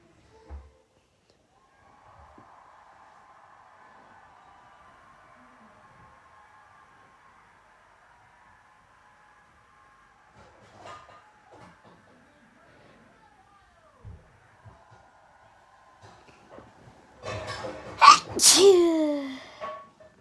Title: Two Long Awaited Sneezes!